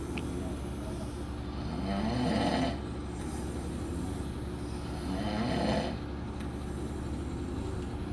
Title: Snoring Competition in Vegas